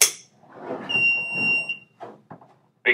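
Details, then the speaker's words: Single steady high-pitched tone amid handling noise as a Philips HeartStart FRx AED starts its diagnostic self-test after the electrode pads are re-plugged and battery reinserted during servicing. "to initiate the diagnostic test it would be to re-plug in the electrod pads making sure to not open up this little cartridge and to take the battery and put it back in clip it in"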